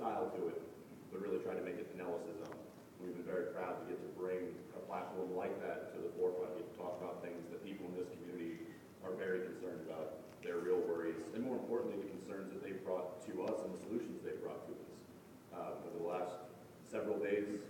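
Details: Adult male speaker; normal voice.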